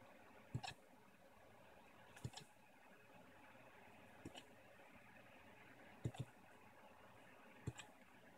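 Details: Pixie hiccups: five short, sharp hiccups about every 1.7 seconds over a steady fan-like hum.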